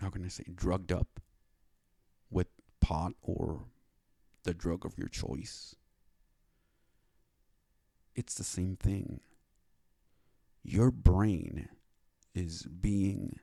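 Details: Dysarthria in a male speaker with cerebral palsy who describes a speech disability; he received speech therapy after five years of trying to get it, and speaks slowly to avoid mistakes.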